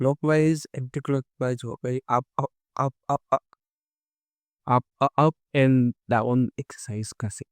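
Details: Adult man who stammers, speaking Hindi, who has done daily stammering practice including breathing and tongue twisters for about a month; stuttering.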